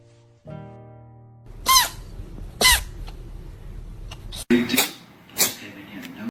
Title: Sneeze attack😼 #funny #catsonlychannel #funnyanimals #funnyvideo #pets #adorably #funnypetsvideos